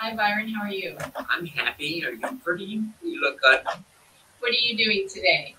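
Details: Adult woman speaking; normal speech.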